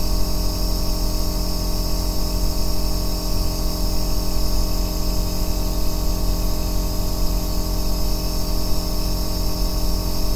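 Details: Aerosol nebulizer recorded as a 2-hour ASMR sleep sound: a constant low-pitched hum from the small compressor motor with a faint hiss, unchanging throughout.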